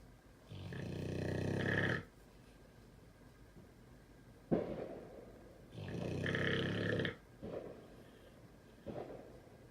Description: Pitbull, Debo is snoring LOUDLY through the fireworks! Sleeping soundly!!🐕😂 #MiaLanette